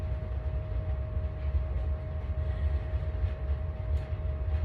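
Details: Child's head-to-toe assessment: low stethoscope rumble heard over the right renal artery with no whooshing bruit, a normal finding of no renal artery bruit.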